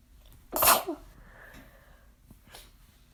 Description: Tried my hand at girly sneezes, but they were too strong and ended up just sounding desperate 🙃